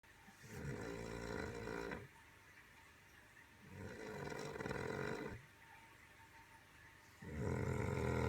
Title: Button snoring